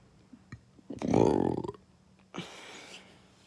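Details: Belching attributed to fast food: a long, loud, rumbling burp followed by a shorter second one, with faint room noise.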